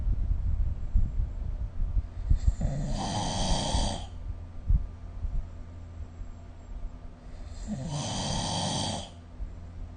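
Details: Two rough, noisy inhaled snores over a low rumbling background from an adult asleep, recorded with the SnoreLab snoring app; snoring.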